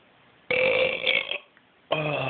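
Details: Adult man (dad) lets out a loud, rumbling burp, then starts a second one, possibly after soda or beer, while his young daughter tries to talk to the family cat; eructation.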